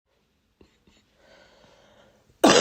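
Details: During a common cold lasting a few days, quiet breathing and faint throat sounds, then one sudden harsh cough at the end.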